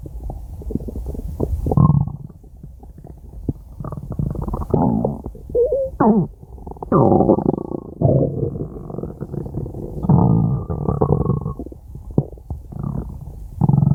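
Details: Stomach growling (borborygmi): low gurgling and rumbling with brief squeaky rising tones, from gas and fluid moving through the gut, from a five-minute recording.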